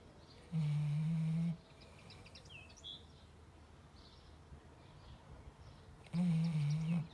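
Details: Dog Lucy's afternoon siesta: two low, buzzing snores several seconds apart over faint outdoor background; snoring.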